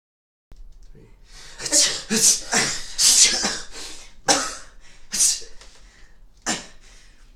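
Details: A run of about seven sharp, hissing sneeze bursts in quick irregular succession, some with vocal 'choo' sounds, from a compilation of different types of sneezes; sneezing.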